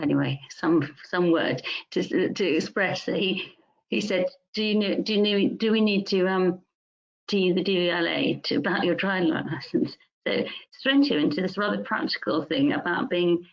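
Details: Music teacher diagnosed with mixed primary progressive aphasia, with word-finding difficulty, grammatical errors and trouble with words of three or more syllables; speech garbled and repetitive; primary progressive aphasia (mixed type).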